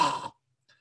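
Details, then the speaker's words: A breathing coach demonstrates an imitated open-mouth snore: a single brief, rough, rattling snort of about a third of a second. "and even snoring because i often say to you know students make the sound of a snore through the nose sorry through the mouth it goes a bit like this"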